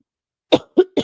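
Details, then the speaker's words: Adult coughing in a basement who says something down there triggers the coughing; a companion suggests mold or vaping, and the cougher admits to vaping. "you all right babe I I I there is something down here in this basement that gets me coughing"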